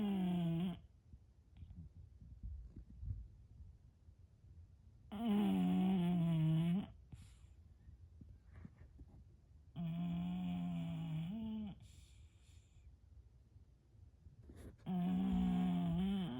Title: Snoring and REM sleep Bulldog